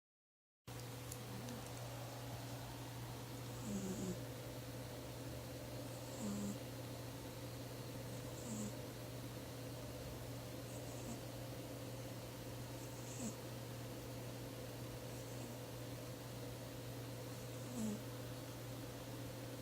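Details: Sleeping, dreaming cat snoring: soft, regular snoring puffs about 28 a minute over a steady background hum.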